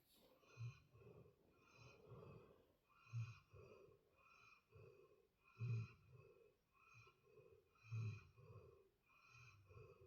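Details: Ramong sleeping and snoring: rhythmic low rattling snores with soft whistling on each breath, about 24 breaths a minute, in a quiet room.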